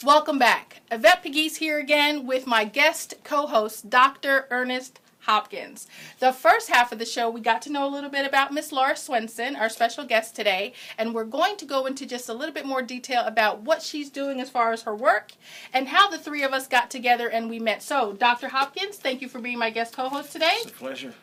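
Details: Adult woman speaking; typical speech.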